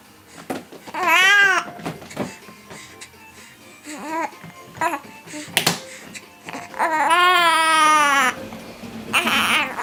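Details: Infant with hiccups fussing with short rising-and-falling wails and a sharp catch between cries, in a small room; infant crying.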